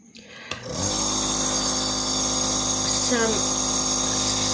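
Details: A click, then a steady loud motor hum with buzzing rattle and hiss as a Surgitech mini compressor nebulizer is plugged in and run, filled with clean water for demonstration.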